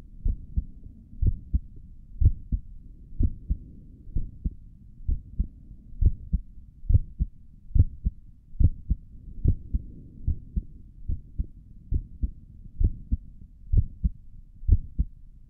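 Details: ASMR recording of the creator's own heartbeat through a stethoscope on the chest; steady low lub-dub at about 70 beats a minute, regular, no extra sounds; stomach gurgles occur during the recording; normal heart sounds.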